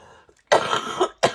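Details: An adult recovering from an illness, still hoarse, gives a forceful, harsh throat-clearing cough followed moments later by a second short cough burst.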